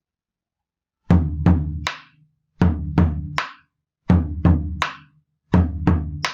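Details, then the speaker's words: Drum imitation, not a real patient, of a fourth heart sound (R4/S4) gallop: a low beat just before the first sound, then a sharper second sound. "¿Cómo se escucharía un R4?"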